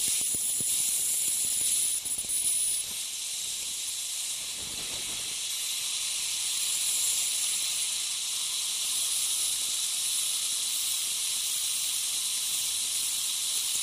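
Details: Ultrasonic piezosurgery unit with a round diamond tip cutting a dental sinus window osteotomy for sinus lift: steady high hiss of water spray with a faint high-pitched instrument whine.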